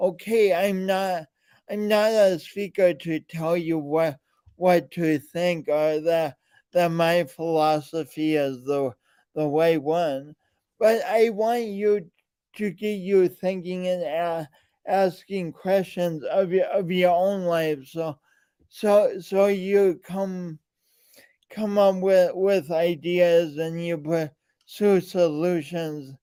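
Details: Man with a speech impediment present since birth and still ongoing, alongside lifelong coordination differences; speech impediment with word and phrase repetitions.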